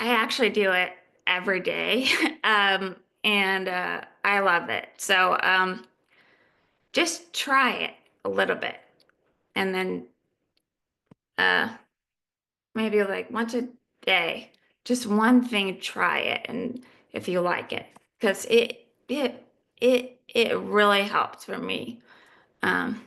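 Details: Adult female living with aphasia who is in recovery; aphasia.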